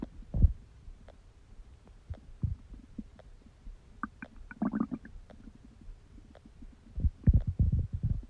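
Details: Low, irregular gurgles and rumbles from the abdomen, with quiet gaps between bursts; ordinary bowel sounds during digestion.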